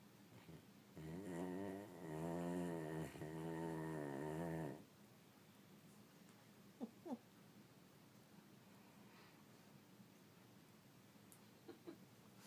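Rough, rattling snore during one long breath of about four seconds, then quiet breathing with a couple of brief squeaks; ordinary dog snoring.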